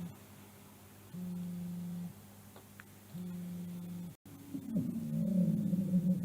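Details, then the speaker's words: Dry sounds from small bronchi, heard in both respiratory phases but mostly in expiration: low, musical whistling tones recur with the breaths over the chest; wheezes. "bronquiales de bronquios pequeños secos que se escucha en ambas fases respiratorias con algún predominio en expiración."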